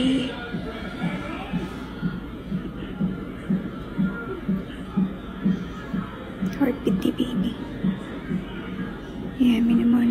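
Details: Rapid, regular soft whooshing fetal heartbeat at about 125 per minute on CTG monitoring, with background music and talk; the mother mentions having bled and had discharge.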